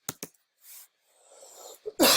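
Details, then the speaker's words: Two quick, short coughs, a noisy breath in, then a louder harsh cough burst from an adult man who says he is still recovering from illness: brief coughing bout. "I should be getting better, but I can't stop because there's so many freaking plays."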